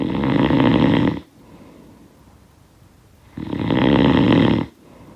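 Loud, rough rattling snores on breathing in, separated by quiet pauses; snoring from a sound-effect recording.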